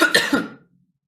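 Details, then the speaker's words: A single short, harsh cough in two or three quick bursts, from a woman with a hoarse voice and cough during a live stream. "Ai, amoras, hoje, hoje você tem que ter assim, ó, uma paciência de aguentar essa minha voz rouca, de aguentar a minha tosse."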